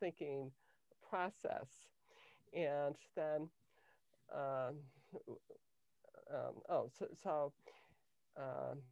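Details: Adult woman with lifelong cluttering beginning in early childhood, diagnosed at age 10 with a language-area speech problem that her speech therapist later identified as cluttering; difficulty organizing thoughts and formulating answers; cluttering.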